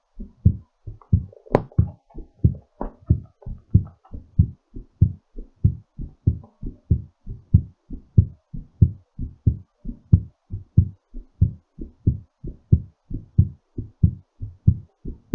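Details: Strong, regular low thumps at about 92 beats per minute: a brisk but normal heartbeat recovering after exercise.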